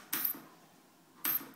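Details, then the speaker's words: Two brief high-pitched hissing buzzes about a second apart: an ultrasonic dental scaler held pen-style, water running, tip applied sideways rather than straight onto the tooth in short strokes during a scaling and polishing demonstration. "and I'm going to use it holding like a pen but never putting the point of the ultrasonic scaler on straight onto the to so holding on a sideways motion and just doing it in short"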